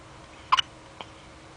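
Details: Baby with hiccups.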